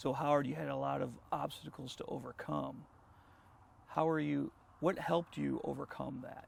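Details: Adult male interviewer; normal voice.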